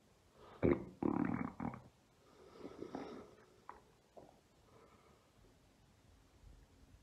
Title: Mother Deep tummy and Belly rumbles ASMR.